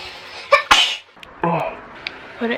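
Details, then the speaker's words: Sneeze during self nasal swab COVID-19 test, allergies cited: quick intake then a single sharp sneeze, brief quiet and room noise. "Ooh. I feel like I have to sneeze."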